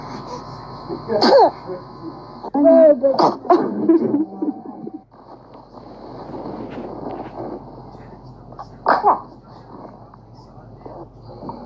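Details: Infants sneezing, a few short, sharp bursts among room noise and voices.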